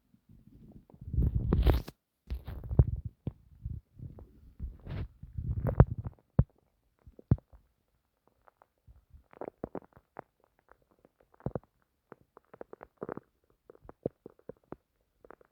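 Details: Bowel sounds (borborygmi) self-recorded from the person's own stomach while trying to sleep: low rumbling gurgles in the first six seconds, then scattered soft clicks and pops. These are ordinary stomach noises.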